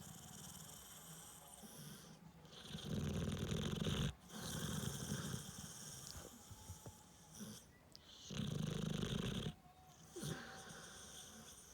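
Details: A dog snoring loudly: slow, rumbling snores, long noisy breaths in and quieter breaths out, about 10 to 12 breaths a minute.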